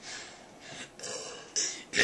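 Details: Drawn-out voluntary belches shaped into the words of the Pledge of Allegiance, a deliberate burp-talking performance; burping.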